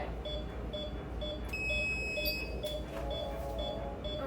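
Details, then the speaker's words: Veterinary dental cleaning of a six-and-a-half-year-old anesthetized pet; intraoral digital dental x-ray unit emits short repeated high electronic beeps with a longer tone midway over room hum, signalling exposure of upper incisors. "so we take digital dental x-rays and it's immediate so basically he'll snap a picture and then it will show on a screen immediately for us on our on our little computer screen over there"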